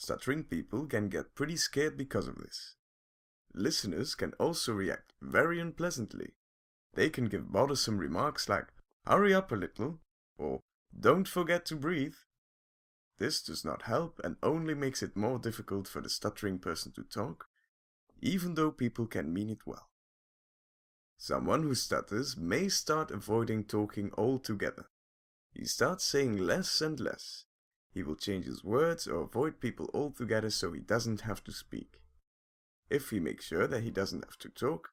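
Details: Adult male narrator; typical fluent speech.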